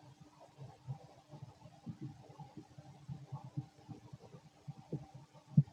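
Soft, continuous low rumbling and gurgling from the abdomen: ordinary stomach growling during digestion.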